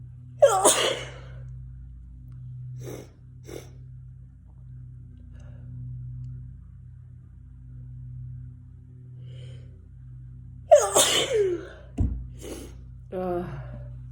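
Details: Two sharp explosive sneezes about ten seconds apart, with a faint steady hum in the room; sneezing.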